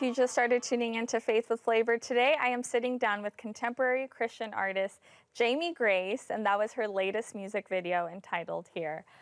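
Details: Adult woman; Normal speech.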